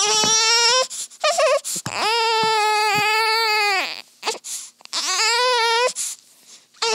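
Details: Newborn daughter crying during her first feeding: loud, high-pitched crying in long wailing bursts with breaths between; an ordinary infant cry.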